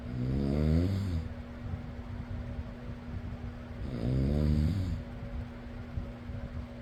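Two deep, rattling snores on inhalation about three seconds apart over a steady fan hum; ordinary snoring.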